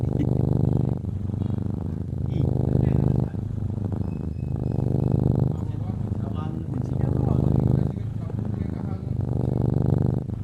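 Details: Cat sleeping soundly and snoring: continuous low rumbling with rhythmic rises and falls through each breath, close to a purr.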